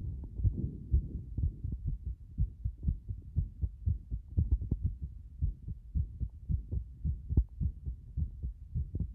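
Rapid, low heart thumps with uneven spacing and varying loudness, roughly 110 to 120 a minute; an irregular heart rhythm.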